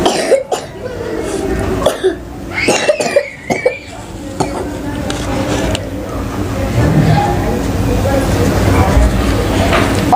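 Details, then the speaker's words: Child cough: several short cough bursts with throat clearing from school-age children, the speaker's daughter and nephew, whose cough keeps coming; they were sent home from school the day before. Dog-like and night-time cough are mentioned. "देखिए अभी school जाने के लिए बिल्कुल यह तैयार है और मतलब ऐसी इन को खांसी उठ जा रही है"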